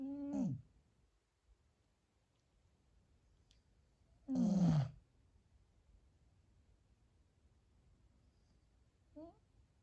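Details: Snoring from a Husky dog: two short, groaning, snorting breaths a few seconds apart, with a fainter third one.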